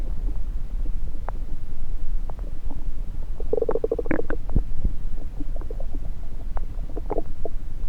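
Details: Bowel sounds (borborygmi) from an adult's belly, recorded with a stethoscope placed on several parts of the abdomen.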